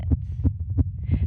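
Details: Very fast, regular heartbeat of a girl or woman picked up by a microphone, described as excited, pulse very high throughout a performance; rapid low thumps near 160–180 per minute; tachycardia.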